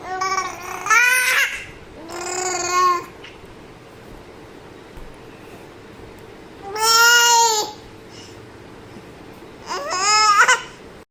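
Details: Four short, tuneful vocalizations with rising and falling pitch from a 5-month-old baby: infant babbling, described as normal vocal play.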